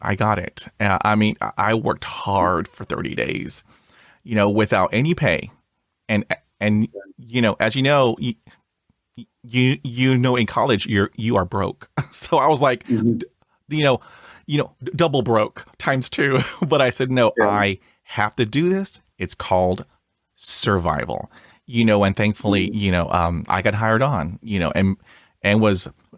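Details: Adult who stutters; real stuttering.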